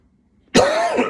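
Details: A single loud, harsh adult cough with a brief throaty rasp at the end, from a speaker who is still sniffing and using tissues; cough.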